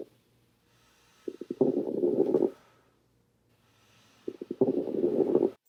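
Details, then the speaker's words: Coarse crackles, teaching example in a nursing thorax and respiratory assessment: two breath sounds with loud, low-pitched bubbling, discontinuous crackles, like velcro opening; louder and lower in pitch than fine crackles. "coarse crackles on the other hand are louder and lower in pitch sounds a little bit like velcro opening"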